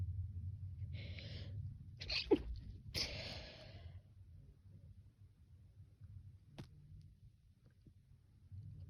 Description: Sneezing if you don’t like sneezing then don’t watch the video